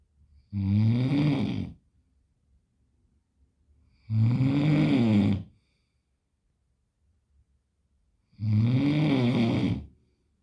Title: Snoring original meme #trending #snoring #snor snor